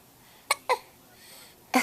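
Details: A young child lounging watching TV near bedtime, looking tired and angry, has three short, abrupt hiccups within two seconds over quiet room noise; hiccups.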